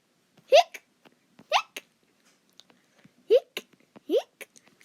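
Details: Acted hiccups from a cartoon character voice: four sharp, rising squeaky hiccups in under five seconds, each a brief voiced catch.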